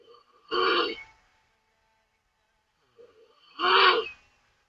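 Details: Taiwanese woman snoring loudly with mouth open during sleep: two loud, rasping snores about three seconds apart with quiet breathing between.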